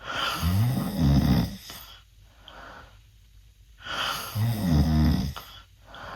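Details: 16-year-old male asleep with mouth open, snoring worse than at an earlier recording: loud, deep, rumbling snores on each breath in, quiet breathing out between, about two cycles in six seconds; heavy snoring.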